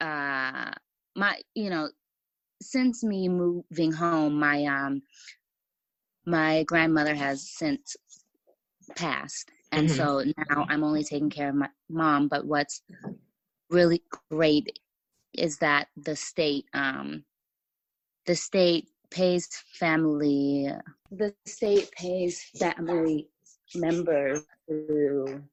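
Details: Stuttering in an adult woman writer who says she has a stutter that listeners may hear and that it was more severe in the past; part-word and word repetitions.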